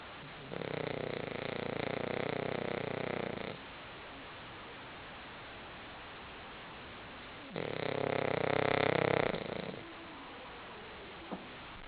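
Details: Two long, buzzing snores about three seconds each, several seconds apart, from Kirby sleeping on the couch.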